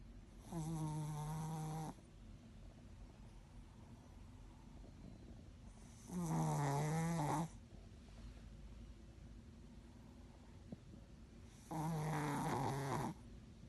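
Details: Three drawn-out, buzzing snores about 11 per minute, separated by quiet pauses; snoring from a sleeping Yorkshire terrier.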